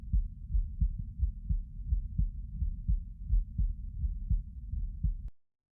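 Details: Heartbeat recorded lying down: steady low thumping, roughly 85 beats a minute, with a muffled rumbling background.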